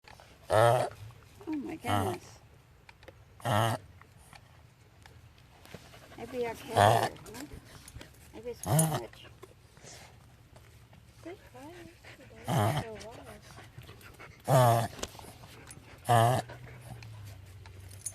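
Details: A dog gasping: about eight loud, harsh gasping breaths in 18 seconds, with pauses between them.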